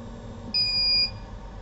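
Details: High-pressure single-channel liquid syringe pump being demonstrated: a single steady high-pitched electronic beep lasting about half a second over quiet room noise; syringe pump alarm tone.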